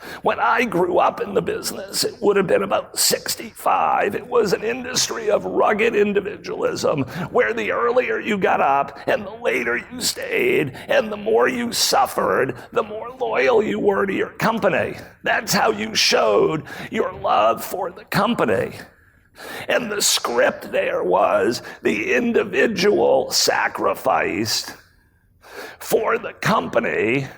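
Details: Real adult man with spasmodic dysphonia, a rare voice disorder acquired in 2010, recorded at a 2018 keynote; his throat muscles spasm and contract when he talks, sometimes making speaking difficult. Finding: spasmodic dysphonia.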